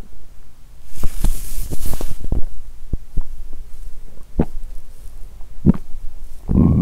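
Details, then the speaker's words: Woman on a 7-day fast, hungry: low gurgles, squeaks and pops from the belly, which she likens to construction noise; stomach rumbling (borborygmi) from hunger. ""ดูเหมือนท้องของฉันจะประสานกับเสียงการก่อสร้างที่ดังกระหึ่ม""ดู!"."เอ๊ะ!ฉันได้ยินเสียงก่อสร้างดังมาจากท้องของฉัน!""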